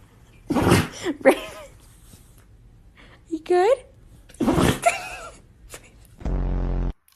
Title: dog sneezing are cute and funny the same time